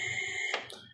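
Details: A steady high electronic tone cutting off with a click, then a short fainter tone: alert beep from a Mindray A5 anesthesia machine during leak testing, which passes the automatic but fails the manual leak test.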